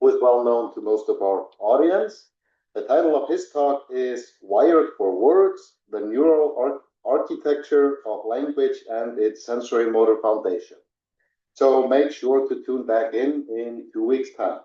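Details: Adult speaker; normal speech.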